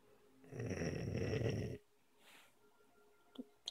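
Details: One long, loud, rattling snore on the breath in during sleep, then quiet; snoring.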